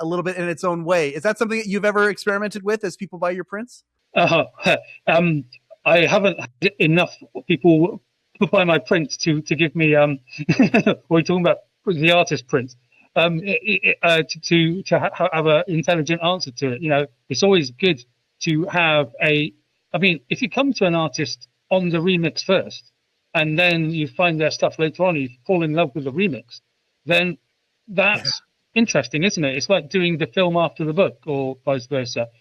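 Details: Adult UK male with a stammer since about age 5, intense for 20 years, who had speech therapy at about age 24; genuine stuttering.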